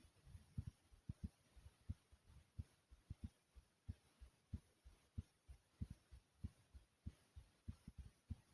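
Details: A self-recorded adult heartbeat over 3 minutes, thumping hard: strong, low, paired thumps repeat steadily at about 90 beats a minute over faint background hiss; forceful heartbeat.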